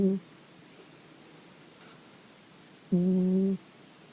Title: Strange Phenomenon of Cat Snoring